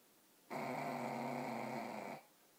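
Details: Sleeping pug snoring: one long, steady, buzzing rattle on the in-breath, typical of a flat-faced dog; the dog wakes afterward; snoring.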